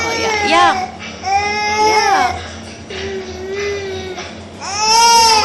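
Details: Baby's wailing cry in repeated rising and falling bursts, with adult voices and music in the background; ordinary infant crying.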